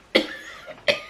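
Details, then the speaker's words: Simulated cough acted as a prank during a mukbang meal; two short, dry cough bursts about a second apart, deliberately faked. "you know i'm coughing you know i'm not feeling weird i'm not feeling well though now i'm coughing"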